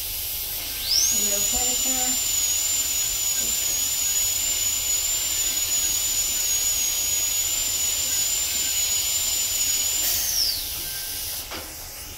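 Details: Dental drill removing a deep cavity from a child's tooth, nearly needing a root canal: steady, very high-pitched whine for about nine seconds over room hiss, with brief low voices at the start.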